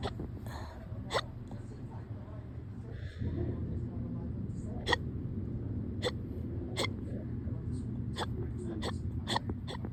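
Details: Person with hiccups on and off since the day before, this bout very fast but tame: repeated brief, sharp hiccup clicks at irregular intervals over a steady low rumble; hiccups.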